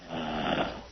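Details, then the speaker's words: Man asleep, heard over a phone line: a low, rattling, rough snore on an inward breath. "That's a retarded snore if I ever heard one. Wouldn't you kill to have a solid 8 hours of retard sleep?"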